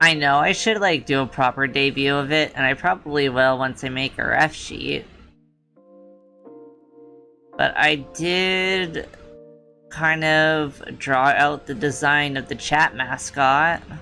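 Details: Female streamer with a self-reported speech impediment she tries hard to hide; certain words trigger her stutter. Stuttering.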